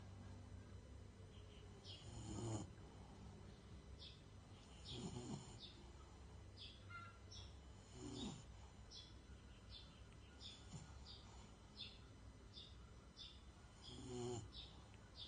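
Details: Sleeping bulldog gives several low, rattling snores, birds chirping in the background: snoring.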